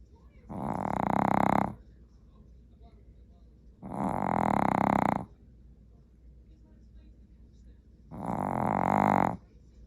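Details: Snoring during sleep: three long, vibrating snores about every four seconds, roughly fifteen breaths a minute, with quiet gaps; regular sleep snoring.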